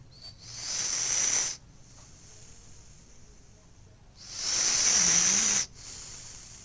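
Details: Whistling nasal snoring during sleep, two long hissing, whistling breaths about four seconds apart; recorded August 23, 2012 on a Flip Video camera.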